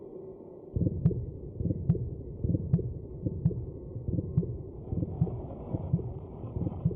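Steady, regular low thumps at about 71 a minute, with faint clicks and soft background hum: an early embryonic heartbeat.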